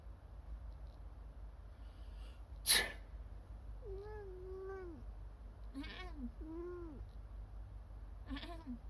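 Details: An adult gives one sharp sneeze, and a Siamese cat answers with several drawn-out meows of complaint over steady room hum.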